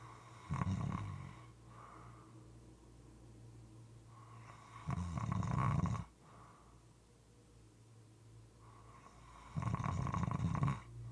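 Three low, wet, rattling snores at uneven gaps of about 4 to 5 seconds, with quieter breathing between. Moist, irregular snoring.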